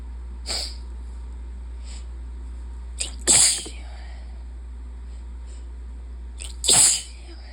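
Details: Three sneezes, each a sharp forceful burst after a quick inhale, on a bad allergy day with high pollen and an open window; repeated sneezing from allergic rhinitis (hay fever).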